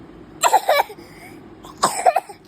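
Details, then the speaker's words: A small boy puts on two short, forceful coughing bursts while an adult asks whether he really has a cough; voluntary, fake cough rather than an illness cough. "बापरे एवढा खोकला येतय का?"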